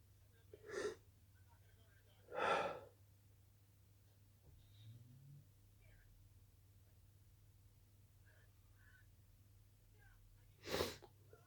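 Three short, explosive sneezes in a quiet room, with a long pause before the last; no wheeze is heard.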